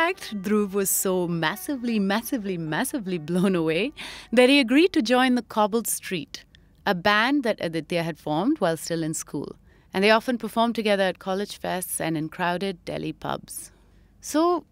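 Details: Adult female narrator; typical speech.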